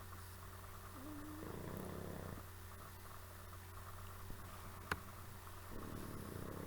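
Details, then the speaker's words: Two pet "girls" snoring while asleep: a low, steady rumbling with louder breathing surges about every four seconds, over quiet room noise. "I do a apologize if you can hear my two girls snoring away next to me it's not me heavy"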